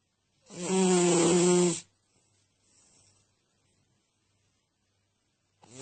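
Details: One loud, rattling snore on an in-breath during sleep, then quiet with a faint soft out-breath and the start of the next snore; snoring.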